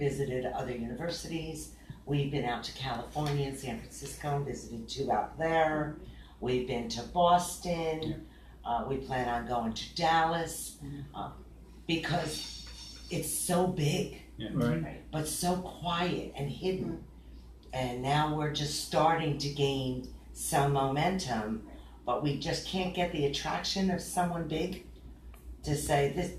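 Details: Man with aphasia after a stroke nine years earlier, with complete right-sided weakness; aphasia.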